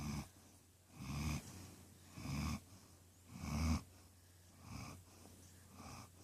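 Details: Pet named Queenie sleeping in the owner's lap with regular low, rattling snores and faint whistling, about 50 a minute, and quiet room noise between breaths: snoring.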